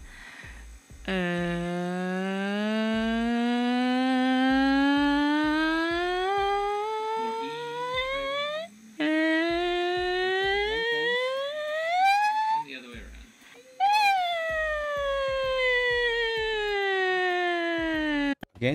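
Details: Demonstration of normal pitch change with vocal fold length: the cricothyroid lengthens the folds for higher pitch and the thyroarytenoid shortens them for lower pitch; normal.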